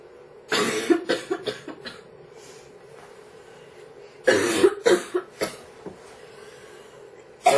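Two fits of rapid, repeated harsh coughs, each a run of several coughs, with a brief pause between fits.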